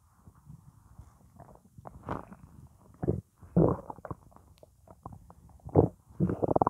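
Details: Irregular gurgles and low rumbling bursts from an empty stomach, with only water in the stomach; ordinary hunger rumbling (bowel sounds).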